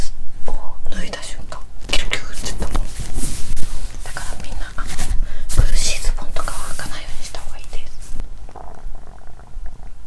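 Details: Woman's abdomen recorded the day after finishing a 7-day fast, around drinking warm water and eating recovery food: small but active stomach movement sounds, bowel sounds (borborygmi).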